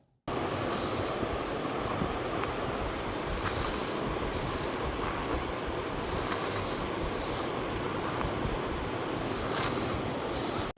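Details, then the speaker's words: Young boy (about 2.5–4 years) with heavy snoring and colds nearly every month, who later needed surgery to remove adenoids and tonsils. Snoring. "ఆ time నుంచి కూడా ఇలాగ ఎక్కువ గురక పెడుతూ ఉండేవాడు and frequent గా cold cold వస్తూ ఉండేది అన్నమాట"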